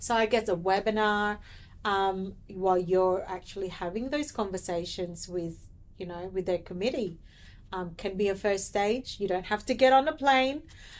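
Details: Adult woman; typical speech.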